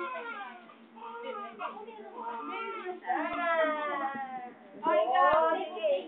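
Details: Rising, strained wailing pain cry of a young child during ear piercing, with adults talking over it.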